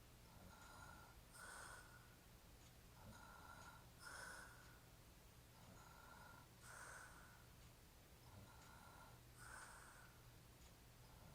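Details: Hairy-chested adult man sleeping while drunk; steady rough snoring, about 23 noisy breaths a minute, with a buzzing, snorting quality on each breath.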